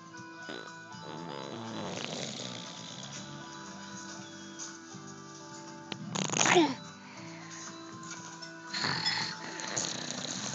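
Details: A sleeping infant, barely 1 year old, giving rough, loud snoring breaths every few seconds over steady background music.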